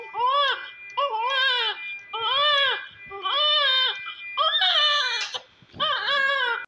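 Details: Newborn baby in hospital (Bettiah, Bihar): rhythmic, strong crying, about one wail per second, each cry rising and falling in pitch; a vigorous normal newborn cry.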